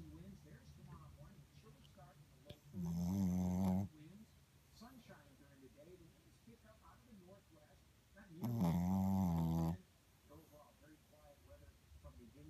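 Two loud, buzzing snores on the in-breath about six seconds apart, with quiet breathing between them; ordinary sleep snoring.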